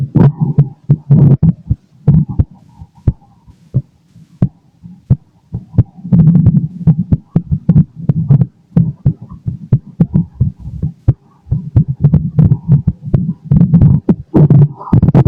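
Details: Irregular gurgles and clicks of normal bowel sounds from an adult male's abdomen digesting lunch, heard through a stethoscope, with a faint heartbeat in the background.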